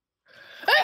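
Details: A daughter's sneeze hitting her father: a brief rising in-breath, then one sharp, forceful burst.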